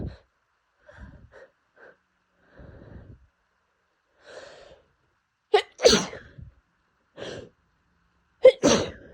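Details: Adult with pollen allergy (allergic rhinitis) sneezing daily for a month despite medication and staying indoors; quick sniffs and catching breaths build to two forceful sneezes.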